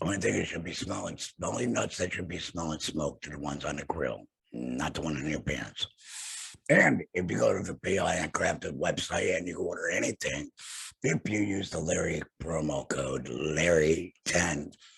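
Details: Alaryngeal speech, tracheoesophageal voice prosthesis mentioned, in an adult man after total laryngectomy for throat cancer, vocal cords removed.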